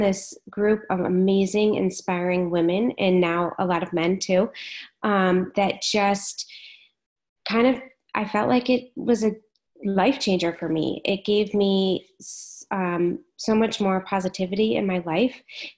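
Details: Adult woman speaking; Normal voice.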